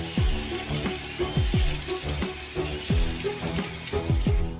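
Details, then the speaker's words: Dental implant surgery: high whining drill in repeated short bursts over background music, dental implant drilling. "刚开始钻孔要选择8毫米的小钻头，为了穿透坚硬的牙槽骨，医生调高了钻头速度，一切准备就绪，钻孔就开始了。"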